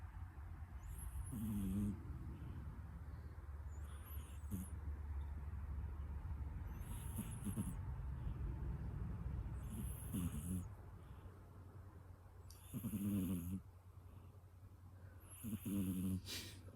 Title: Snoring kitty